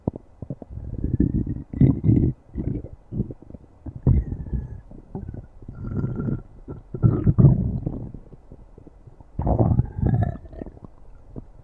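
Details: Stomach growling (borborygmi): low, irregular gurgling and rumbling bursts with occasional squeaky, drawn-out tones.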